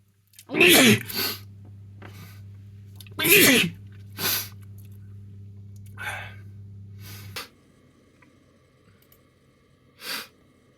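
A series of sharp, explosive sneezes, several in quick succession, with a steady room hum behind them.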